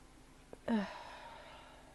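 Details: Sneezing at the start of spring after being outdoors among spring flowers: a brief indrawn breath, then one sharp voiced sneeze fading into a quiet room.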